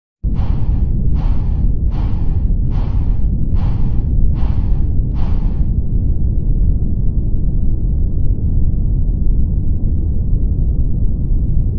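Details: Blood pressure measurement: seven regular pulsing beats at about 75 a minute fading into a steady low rumble; Korotkoff sounds.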